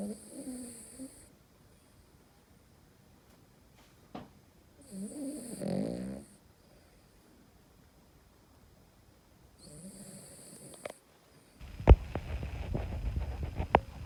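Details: Pet dog sleeping and snoring: three low, rumbling snores about four seconds apart, with a burst of louder rustling noise at the end.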